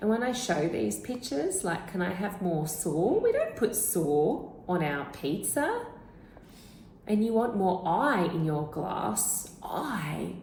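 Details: Speech therapist imitating a child, typically about 3 to 3.5 years old, who omits word-final consonants; final consonant deletion (imitated).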